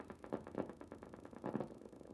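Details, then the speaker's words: Needle EMG of an upper-limb muscle during wrist movement against resistance at the knuckles: crisp, repeated popping of motor unit potentials that are sharp, with normal amplitude, duration and shape. "a little deeper there's some more motor units nice sharp and crisp normal amplitude normal duration normal shape very good"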